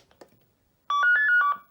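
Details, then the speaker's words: Short melodic chime of several quick tones from a talking home blood pressure monitor (Life Source, A&D Medical) after a button press, with spoken instructions turned on. "okay so instructions on and i'm going to press that button again and we should hear the audible"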